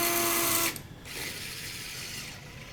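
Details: Knee-spanning external fixator: high whining power drill runs briefly then stops, followed by softer grinding hiss as the distal tibial pin is driven in a finger breadth off the anterior tibial crest.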